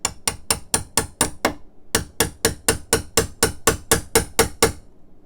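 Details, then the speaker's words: Rotator cuff suture anchor repair demonstration: steady sharp mallet taps, about two a second with one brief pause, driving a punch into bone to make a pilot socket for a knotless anchor. "we're gonna tap that into the bone and so I'm going to hold this down once again and we'll get this tapped down"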